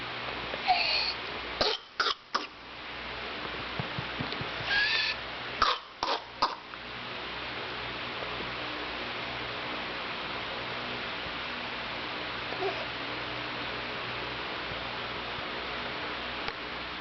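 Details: Infant girl with whooping cough for a few weeks: clustered bursts of short, harsh coughs with high-pitched gasping, a pertussis coughing spasm.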